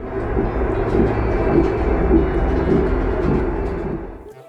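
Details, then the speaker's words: Fetal heartbeat on Doppler at a prenatal visit: loud, rapid, rumbling whooshing pulses likened to a passing train, a strong heartbeat; family jokes train sound means a girl, acknowledged as an unproven belief. "이게 기차 소리로 들리면 딸이고 말발굽 소리로 들리면 아들이고 뭐 이런게 있어요 지금 방금 기차 소리 같았거든"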